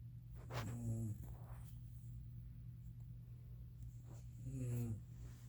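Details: Adult woman (a mother) snoring: low, rumbling snores on inward breaths about four seconds apart over steady low room hum.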